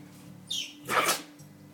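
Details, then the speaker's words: A quick nasal snort, then one sharp, hissing sneeze from a pet dog that is sneezing repeatedly and spraying snot, in a quiet room. "he's still going Oh bubble why did you sneeze me you okay there"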